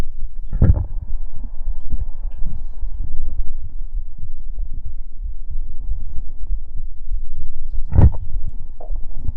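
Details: Stomach sounds after gulping soda, with burps: steady low gurgling abdominal rumble with two brief louder bursts near the start and end; bowel sounds, stomach rumbling.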